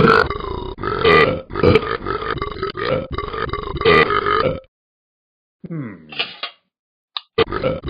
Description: Ben the dog can't stop burping.